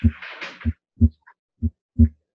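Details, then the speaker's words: Normal heart sounds from a Harvey cardiology patient simulator, heard with a stethoscope at the right upper sternal edge at the heart's base. First and second sounds are clean, the second louder, at about 62 beats a minute. "you'll notice that the second heart sound is louder as you would expect here at the base of the heart"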